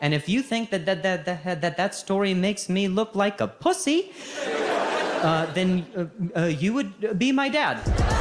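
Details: Adult man who has stuttered since age 20, after a softball hit to the throat and a fall causing a concussion; repetitions audible: stuttering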